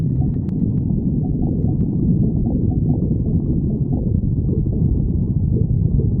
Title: Soft GF stomach growling